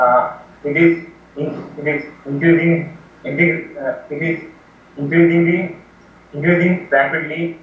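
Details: Young man from India with severe stuttering with blocks ("breathing stupor") after 20 years of speech therapy; reading with word repetitions, stuttering.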